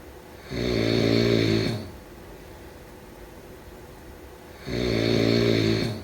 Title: Snoring sound … #4